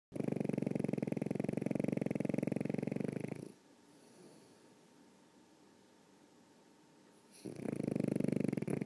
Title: snoring